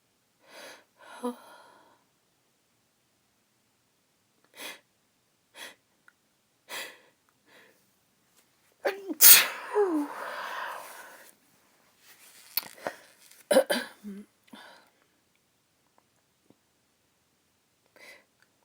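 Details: Female's forceful uncovered sneeze after several short, partly held-back breaths and catches (she tried to hold the sneezes back), followed by a few smaller sneezing sounds.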